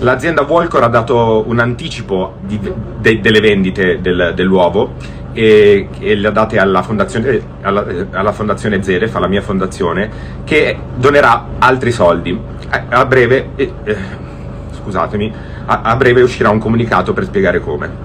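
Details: Stuttering in a man who apologizes for it, saying he has had the problem for a while and it takes him time to form a sentence; attributed by the narrator to nervousness and stress after recent events.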